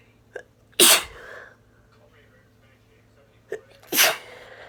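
Two loud, sharp sneezes, each preceded by a brief inward catch of breath; repeated sneezing with a cold.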